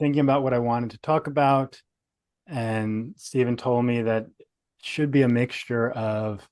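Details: Adult male speaker; stuttering.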